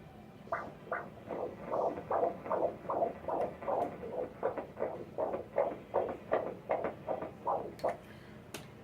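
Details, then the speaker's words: Rapid, regular whooshing fetal heartbeat on ultrasound Doppler at 32 weeks 4 days, baby presenting properly; rate 153 beats a minute, a normal fetal heart rate. "Looks good. Let's see what the rate is. 153, totally normal."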